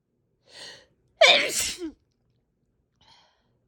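A short breath in, then one loud, forceful, wet-sounding sneeze and a faint after-sound; a single powerful sneeze.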